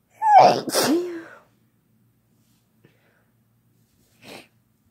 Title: Having Fun Sneezing Together